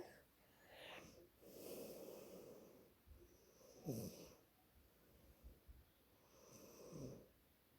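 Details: Sister snoring while asleep in a quiet room: rough, rattling snores with breaths, some ending in short snorting, sliding notes; snoring.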